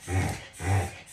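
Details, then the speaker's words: Two quick, deep snorting pulls of air from a dog that does this often: reverse (inward) sneezing, not distress or trouble breathing, possibly allergy-related. "this sound that dogs do right now this is actually like inward sneezing and dogs do it they're not in distress it's not that they're having trouble breathing"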